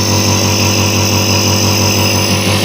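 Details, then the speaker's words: Omron nebulizer compressor switched on for cough/asthma nebulizer therapy: steady mechanical hum and buzz running continuously, like a small motor idling. "setelah ditutup sampai rapat kita Nyalakan alat nebunya kita Nyalakan ini omronnya ini nih tombol on off nya di sini ya tuh nah dia udah bergerak"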